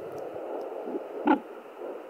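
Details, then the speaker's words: Pregnant woman checking at home with a pocket fetal Doppler (Sonoline B): Doppler hiss with a brief loud thump and swoosh as the baby moves, like a giant wind tunnel or waves; fetal movement, not heart rate. "That's baby moving. So it just basically sounds like one big giant wind tunnel or waves."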